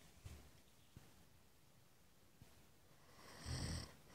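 Quiet room with a few soft thumps, then one rough, low, rattling breath sound near the end, a single snore.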